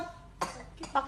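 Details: Two short, moist coughs from a child with cough and cold, recorded during a cough-relief massage therapy session, with quiet room noise behind them.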